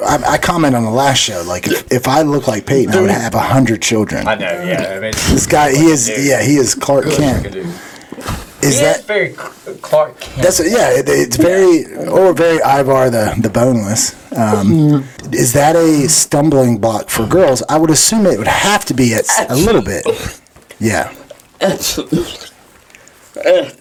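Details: Adult men in conversation; typical speech.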